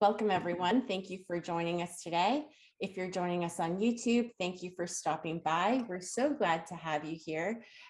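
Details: Adult woman; normal speech.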